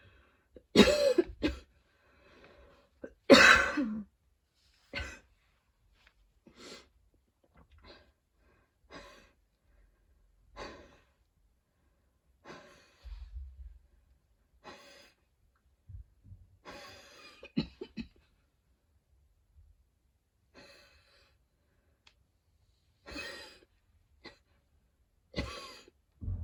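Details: Wheezy coughing fit in an adult after a run, with allergies, freshly cut grass outside and fatigue: a long fit of about twenty irregular coughs with a tight, wheezy edge and whistly breaths between.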